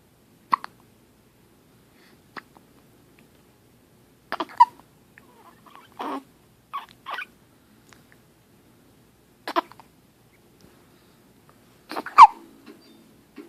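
Brief sharp catches in the breath recur at irregular gaps in a quiet room, about six or seven in the span; hiccups.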